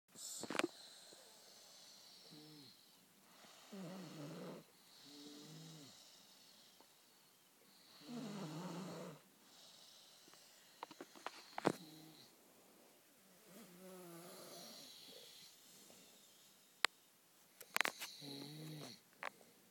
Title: The boys snoring